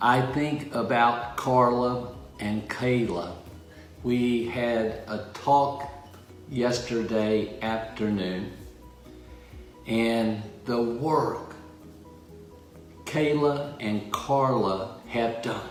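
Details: Adult male stroke survivor with aphasia after brain injury, reporting word-finding difficulty, trouble with verb tense and pronouns, and needing to restart when interrupted; aphasia.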